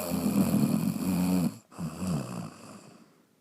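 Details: Sleeping animal snoring: two loud, rough, vibrating breaths with a snorting quality.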